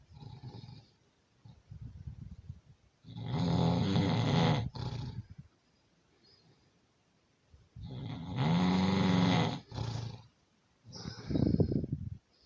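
Loud, rattling snores on each inhalation, about five seconds apart, with quieter breathing between them; ordinary heavy snoring.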